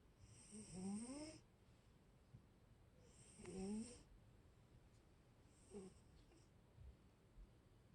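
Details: Cat snoring softly and rhythmically, each breath carrying a rising, whistly tone, about 22 breaths a minute in a quiet room.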